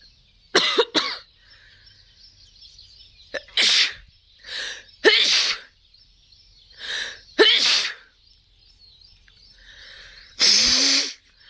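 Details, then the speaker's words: About seven sharp, explosive sneezes in a row with quiet gaps between, deliberately triggered by lightly tickling inside the nose, done eyes closed as a sneezing exercise for blocked nose, sinus and headache. "तो उसको आंखें बंद करके सनेज करना है सनेज का enjoy लेना है बहुत ही रिलीफ मिलेगा शुरू करते हैं"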